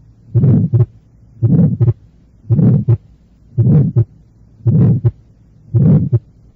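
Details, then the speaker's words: Innocent pulmonary flow murmur: regular heartbeat near 56 a minute with a harsh, medium-pitched systolic murmur ending before the second sound; normal S2 splitting distinguishes it from murmurs of organic disease such as atrial septal defect or mild pulmonary stenosis. "se le distingue de los otros asociados a padecimientos orgánicos por la presencia de un desdoblamiento normal del segundo ruido cardíaco"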